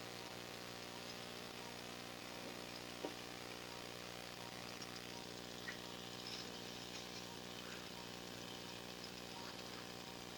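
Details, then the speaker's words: Arthroscopic shaver during left knee ACL reconstruction with hamstring autograft: continuous low motor hum with steady buzzing drone while clearing the old torn ACL from the notch to make room for the new graft. "okay so we're just cleaning out the notch so we have room to put in a new graft"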